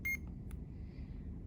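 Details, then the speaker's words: CADD Legacy Plus infusion pump being stopped by holding the button for 3 seconds: a few short, high electronic beeps over a low room hum confirm the pump has stopped. "All right, so now we can stop it by holding it down for 3 seconds, and you'll hear the beeps again."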